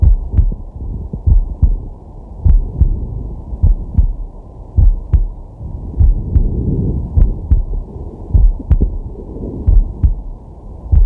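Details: Male at rest, digital stethoscope on the chest: a steady lub-dub heartbeat at about 54 beats a minute, with soft breathing underneath; normal heart sounds.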